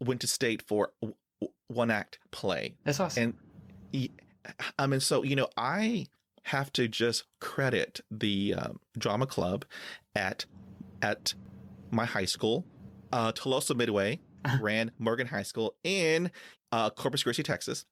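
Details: Stuttering in a 49-year-old man with blocks and a family history (his mother had a moderate stutter); he uses filler words, tapping and diaphragmatic breathing to get past blocks.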